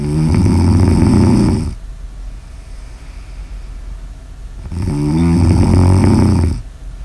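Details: Snoring ASMR audio recording: two loud, low rattling snores on breathing in, with quieter breathing out between them; steady snoring.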